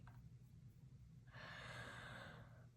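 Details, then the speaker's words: Sleeping dog snoring: a low steady rumble, then a long noisy, faintly whistling breath. "Kind of really wanting to, sorry if you can hear my dog snoring, move towards your manifestations."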